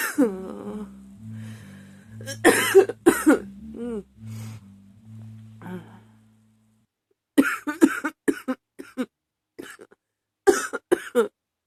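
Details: Prolonged, never-ending coughing fit: groaning, strained voice sounds then a rapid series of short, sharp coughs, the person saying they can't stop.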